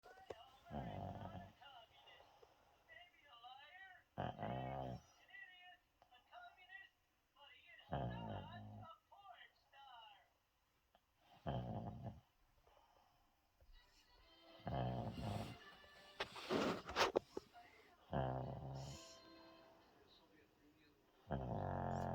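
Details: A sleeping puppy snores very loudly in regular rumbling bursts, about 17 breaths a minute, over faint music. Snoring.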